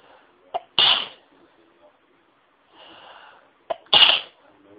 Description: Induced Sneezes that felt so good